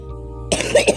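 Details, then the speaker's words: Person with progressing cystic fibrosis, lungs filling with thick mucus: after background music, a quick run of harsh, wet-sounding coughs in a coughing fit. "that is what a cystic fibrosis coughing fit sounds like and sometimes it's longer sometimes it's worse but the reason that happens is because our lungs fill with this thick stick"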